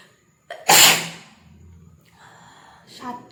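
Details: Sneeze during a matchstick sneezing challenge: short indrawn breath, one loud explosive sneeze, then quiet breathing: ordinary induced sneeze.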